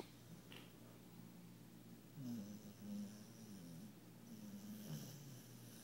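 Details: Female puppy worn out after a fun day, deeply asleep, twisted up and twitching, snoring: low rumbling, snorting breath sounds over a quiet room hum.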